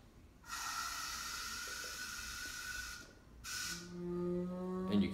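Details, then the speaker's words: Veterinary anesthesia machine safety pressure relief valve (20 cm H2O) on the patient circuit with the pop-off valve closed: sustained hissing gas release in two bursts, then a rising whistle as it opens above 20 and vents excess pressure to the scavenger. "it opens up as the pressure goes above 20 and quickly relieves it down if there's any sustained pressure"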